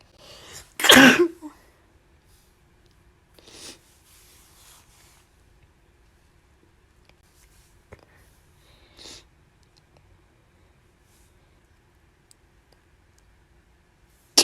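One loud, sharp sneeze burst near the start, followed by a couple of faint sniffs and small noises in a quiet room.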